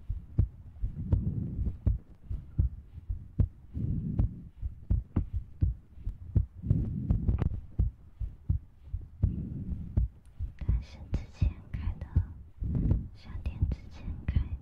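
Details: ASMR close-up recording: soft, regular low thumps of a heartbeat, about 80 a minute, mixed with close breathing and mouth clicks; heartbeat.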